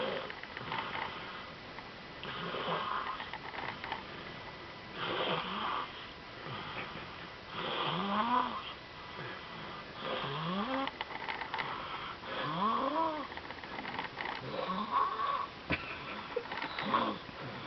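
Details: Sleeping baby boy snoring softly: quiet, irregular, snuffly breaths with faint squeaky tones, about 25 a minute.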